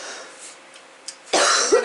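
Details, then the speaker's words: Adult woman recovering from the flu: a single sudden cough burst rising out of quiet room noise; cough. "cough it up honey cough it up don't worry about it cough it up get it out"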